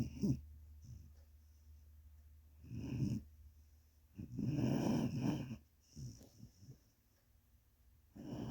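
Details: Sadie snoring as loud as grown men: loud rough snoring breaths roughly every two to three seconds in a quiet room.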